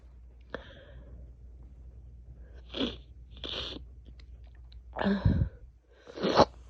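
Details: Person with a cold finally sneezing after long stifling: a sharp intake then a series of forceful, powerful cold sneezes, the last ones loudest.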